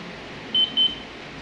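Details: Two short, high electronic beeps over steady room hum from a demonstration defibrillator machine, an alert during defibrillation mode, with adult and pediatric settings being shown.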